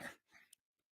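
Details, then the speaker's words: One short, sharp adult cough followed by a softer breathy exhale in a quiet room, from the podcast host: a single cough. "the sound of me coughing I guess no"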